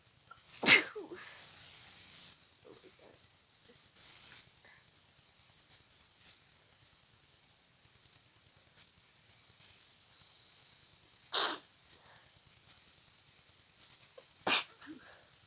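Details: Three sharp sneezes over about fifteen seconds with quiet sniffing between, from a person with a congested cold, nose tickling all day, feeling dizzy and headachy from sneezing; repeated sneezing.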